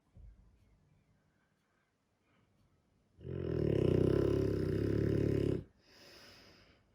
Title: Dogue de Bordeaux - sleeping beauty. Snoring too.